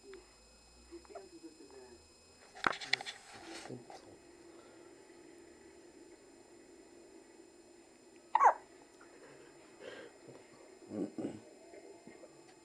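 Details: Baby hiccuping while asleep after a long hiccup episode that carried on into sleep: a few short, abrupt catching sounds in a quiet room; hiccups.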